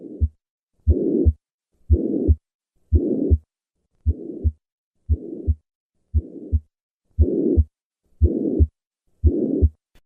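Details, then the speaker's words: Tricuspid regurgitation pansystolic murmur at the lower left sternal border, played as three normal beats before the murmur is added; like most right-sided lesions, it increases during inspiration, with clear respiratory variation. "This murmur is heard at the lower left sternal border. As with most right-sided lesions, this murmur increases during inspiration. Notice the respiratory variation of this murmur."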